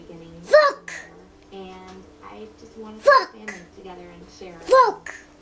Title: That’s just how he sneezes